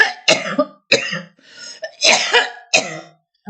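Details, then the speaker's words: Adult woman with a very hoarse voice who is sniffling and who reports burns in her lungs and throat, which she attributes to microwave torture: a run of about six harsh, forceful coughs in quick succession, with a throat-clearing quality. "Ah, j'ai la voix très enrouée, je renifle, excusez-moi."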